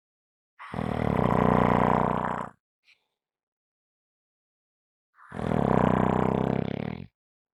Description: This is a 5 minute clip of snoring.